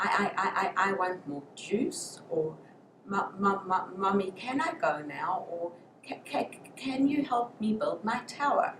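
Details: Acted: a speech-language pathologist imitates a preschool child's stuttering with sound and syllable repetitions; stuttering (sound and syllable repetitions).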